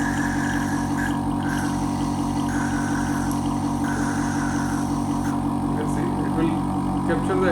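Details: Otica OSUC-11 portable phlegm suction machine demonstration at maximum suction, drawing water from a bottle: steady motor hum with pulsing drone and gurgling as water goes up the tube.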